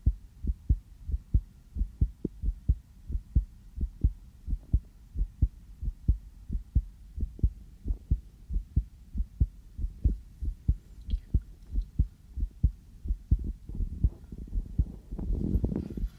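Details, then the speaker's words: Adult's own heartbeat through a sensitive stethoscope, steady at about 90 a minute with rustling near the end, possibly slightly fast after just coming in from outside; recorded for ASMR; normal heart sounds. "저도 제 심장 소리를 이렇게 크게 듣는 건 처음이네요. 왜 이렇게 빨리 뛰지? 여기 와서 잘 들린다. 원래 이렇게 빨리 뛰나요?"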